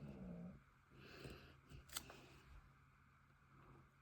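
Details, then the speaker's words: Snoring from a resting companion beside the speaker, likely a pet dog: low, rough rumbling breath sounds with faint room noise and a small click. "Vous entendez le ronfleur à côté de moi? Vous pouvez l'appeler Théo."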